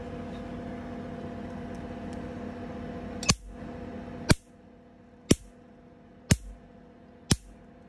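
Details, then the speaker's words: Steady machine hum, then five sharp snapping clicks about once a second; a picosecond laser (Pico Gold, 2020 model) firing single pulses during testing. "Mình đang test máy laser Pico đấy."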